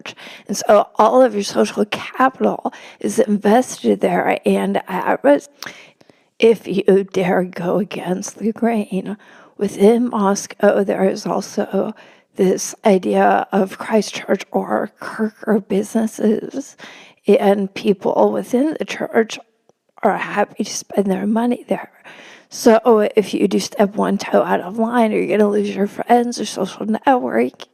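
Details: Woman with spasmodic dysphonia, which she notes can make her sound nervous though she is not, speaking as a podcast guest; spasmodic dysphonia.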